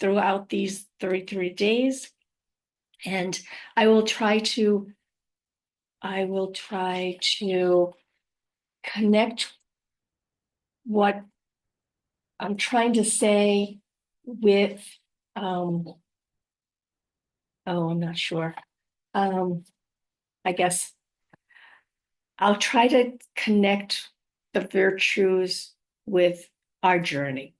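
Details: Adult woman living with aphasia, apraxia of speech and dysarthria after a stroke, with word-finding difficulty; aphasia with apraxia of speech.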